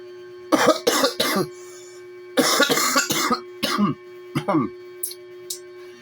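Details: Person coughing, harsh coughs in two quick clusters then a few softer ones over a steady low background hum: a coughing fit.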